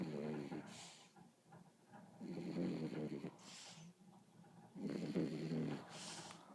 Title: Cute snoring beagle